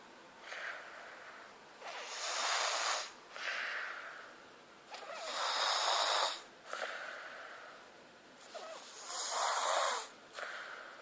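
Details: Noisy, hissing breaths about 17 a minute with rasping, snorty sounds on each breath: snoring during sleep.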